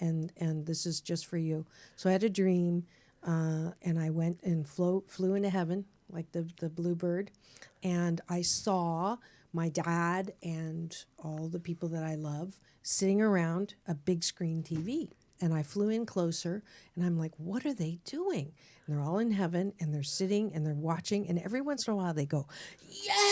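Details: Adult woman speaking; normal speech.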